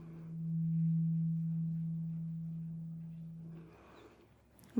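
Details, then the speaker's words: Low 128 Hz tuning fork tone, the lowest fork, struck during a simulated roleplay cranial nerve (CN8) hearing exam; often missed by listeners. "And We're going to start with the lowest toned fork now between the rain. And this being 128 hertz. It wouldn't surprise me if you can't hear it."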